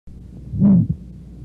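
A single heartbeat with a harsh, low-pitched murmur that swells and fades, followed by a soft second sound. This diamond-shaped systolic murmur is typical of aortic stenosis, where a narrowed aortic valve makes blood flow turbulent as the heart pumps.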